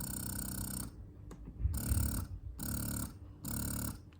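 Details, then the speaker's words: Electric breast pump running in a quiet room, during a review comparing a Horigen wearable breast pump with a Spectra pump; rhythmic buzzing suction strokes, about four in four seconds, with quiet gaps. "know because this is a quiet environment you hear it a bit now but if you put it on like a normal office I think I think this is very quiet"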